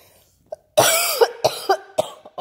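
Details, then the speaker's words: Adult home sick with the flu, taking Theraflu: a run of about four harsh, forceful coughs. "goodness did you hear that cough I would show up myself but I look like hell right now so I will spare you maybe I shouldn't talk"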